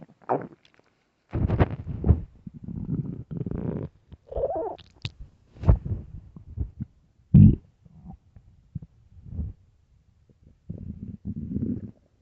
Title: starving stomach growling and rumbling part 1